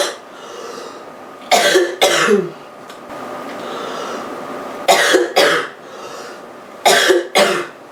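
Three pairs of harsh, rough coughs in eight seconds with breathing between them; a rough cough from a common cold.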